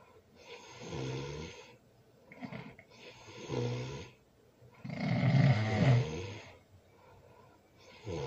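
Loud, rough snores on each breath in, with quieter breathing out between them; ordinary heavy snoring during sleep.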